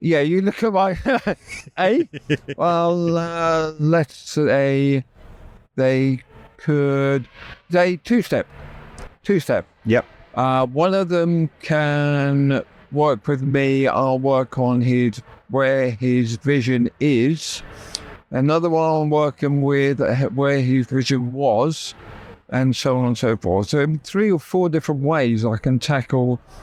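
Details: Adult male stroke survivor with right-sided paralysis who had to relearn speech, leaving hospital able to say only three words, with persistent aphasia where intended words come out differently; aphasia after stroke.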